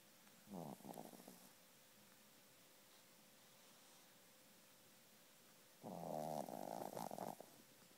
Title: Sharply snores